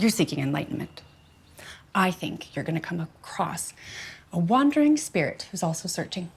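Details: Adult speaker; normal speech.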